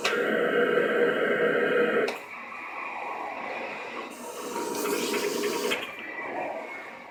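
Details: A mechanical insufflation-exsufflation (cough assist) device running repeated cycles, with loud rushing air pushed in and then pulled out, demonstrated at a symposium.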